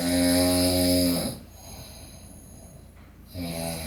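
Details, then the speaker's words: Dog snoring, entered on a "good dog snoring team": loud, buzzing, tonal snore on each in-breath with quiet pauses. "We've decided to enter Henry under the good dog snoring team."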